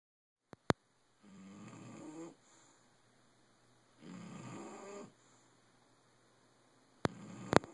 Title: snoring